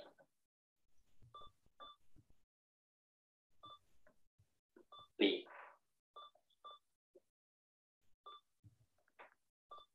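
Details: Key selection beeps from a Liberator Accent AAC device used by an adult wheelchair user with Word Strategy vocabulary, heard during a real spontaneous conversation with a friend.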